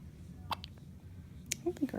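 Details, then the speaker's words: Premature baby girl born at 33.5 weeks weighing 4.5 pounds, with a feeding tube, hiccuping for the first time: two brief, sharp hiccups about a second apart, with soft room noise and small vocal sounds. "Got the hiccups. You have hiccups."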